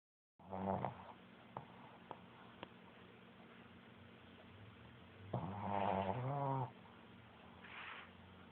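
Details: Shih Tzu dog snoring: snorting, rattling breath noises, then a longer nasal snort, with a few faint clicks between; snoring.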